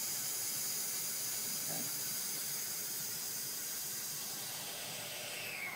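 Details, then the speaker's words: Nebulizer running with saline for practice, blended into a heliox treatment from two flow meters on a Precision Medical heliox blender: steady high-pitched hiss of gas flow. "so as I increase this you now see your your nebulizing your nebulizer is working we're just using some saline for this all-purpose practice"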